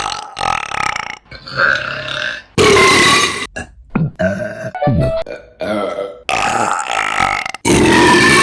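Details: Several loud, drawn-out belches one after another, with faint music in places; burping.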